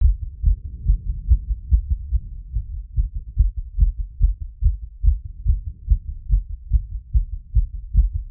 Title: Post workout heartbeat plus squats after #cardiophile #exercise #auscultation #heartbeats